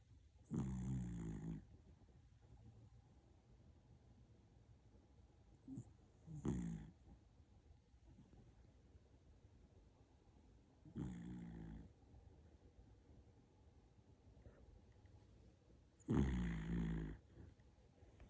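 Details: Sleeping dog (tagged puppy) snoring: soft, low rumbling snores every few seconds, unevenly spaced, with quiet breaths between them.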